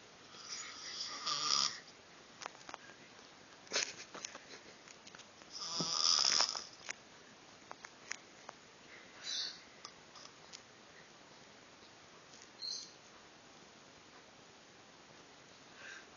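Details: Grandfather snoring while asleep: irregular rough, hissy snorts and breath noises with quiet gaps between them in a quiet room; snoring.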